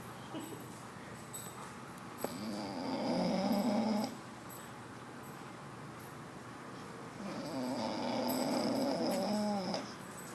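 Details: Two drawn-out rumbling snores on the in-breath, separated by a quiet pause, from a pet piglet that fell asleep in a chair after snuggling; snoring.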